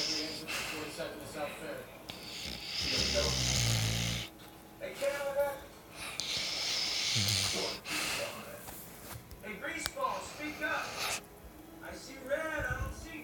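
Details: Coonhound asleep and dreaming: noisy snoring breaths with snorts and soft whimpering sounds.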